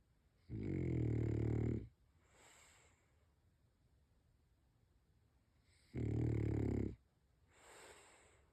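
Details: French bulldog snoring: loud, low, rumbling snores on each breath in with soft quieter breaths out, about 7 breaths a minute; snoring in a flat-faced dog.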